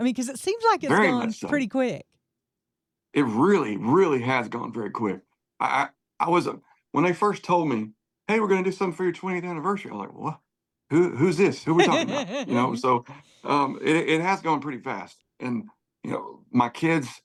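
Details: Spasmodic dysphonia in an adult male singer whose voice goes gravelly sometimes, more when talking than singing; he works with a voice therapist before concerts and has a history of cancer diagnosis and treatment.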